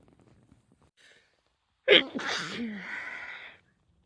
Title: compilation of spring sneezes (f)